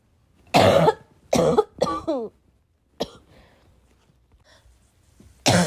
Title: I have a bad cough